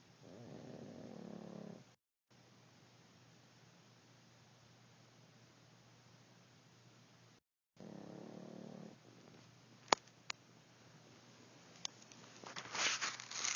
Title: Pug snoring